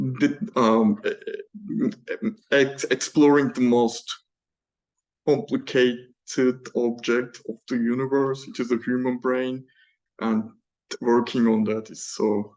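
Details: Adult male PhD student who stammers, heard in spontaneous Q&A speech without the fluency method he uses for prepared presentations; stammering.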